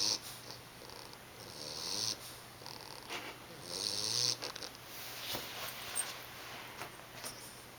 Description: This is our 11 week old English Bulldog pup snoring!!